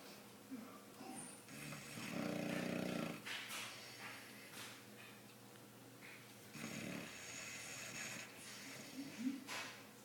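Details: 5-month-old boxer dog sleeping and snoring: buzzing, snorting breaths recurring every few seconds against quiet room noise.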